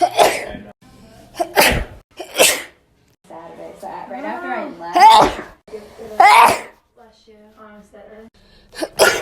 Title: 2k19 sneezes